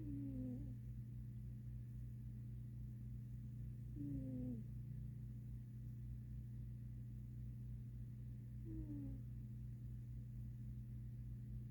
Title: my snoring kitty cat, Sadie